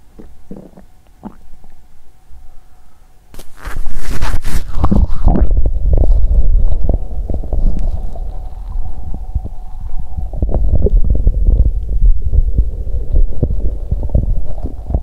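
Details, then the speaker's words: Active bowel sounds from an adult woman's abdomen on day two of her period: irregular gurgling and rumbling with louder surges, likened to a horn or tuba, faint steady hum beneath. ""変な音でした😂"。実際には、ホルンかチューバのような音でした🤣。"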